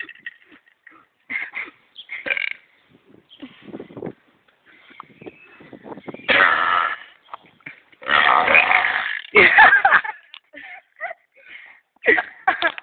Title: burping contest soo funny!!